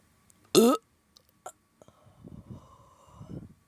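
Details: One loud, short burp followed by small clicks and low rumbling gurgles from a bloated, gassy stomach; belching.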